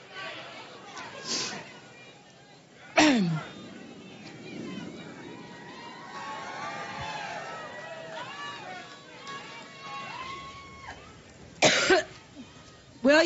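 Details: A woman coughing at a live event: several abrupt, harsh adult cough bursts, with crowd noise and whistling between them.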